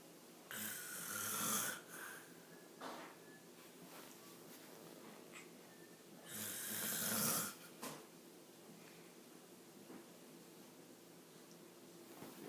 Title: Snoring daddy